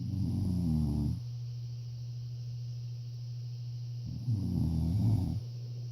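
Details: Person snoring: two rattling, low-pitched snores on breaths about four seconds apart, with a steady low hum in the room between them; ordinary snoring.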